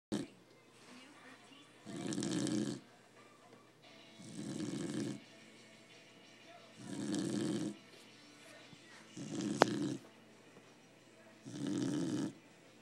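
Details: Sleeping dog gives loud, regular rattling snores with quiet pauses, about five in thirteen seconds, roughly 26 breaths a minute; snoring.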